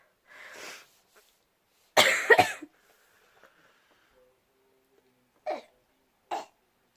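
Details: Repeated coughing in a quiet room: about five coughs, including a harsh double cough, followed by two shorter ones.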